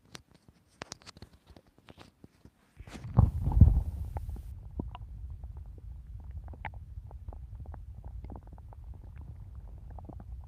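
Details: Stomach growling while hungry and looking forward to eating a cookie: soft clicks, then a low, sustained rumbling gurgle from the belly.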